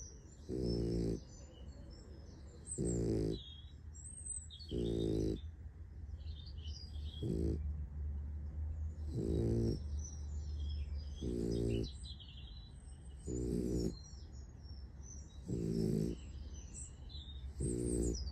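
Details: Ordinary snoring from a sleeping puppy: regular rumbling snores at about 29 a minute over a low, steady background hum.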